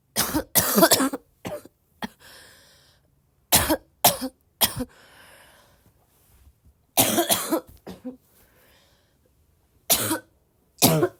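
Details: Persistent cough in a person who is still sick, tagged as a barking cough: repeated harsh bursts in clusters of two to three, about ten coughs, with quiet breaths between.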